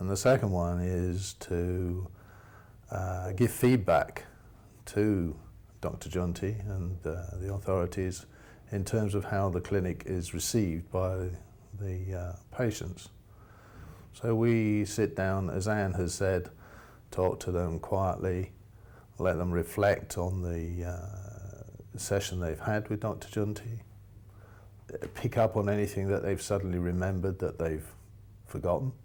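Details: Adult male speaker; ordinary speech.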